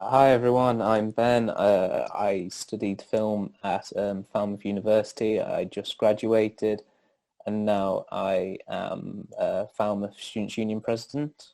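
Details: Adult male film graduate and students' union president who stammers, worse when his anxiety is high; stuttering.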